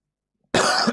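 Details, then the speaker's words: Adult man with a bad throat (someone remarked it's a smoker's cough): one loud, harsh cough after a moment of silence. "Rough. He's got a smoker's cough."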